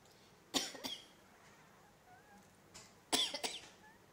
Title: Sweet cat responding to human coughing while sleeping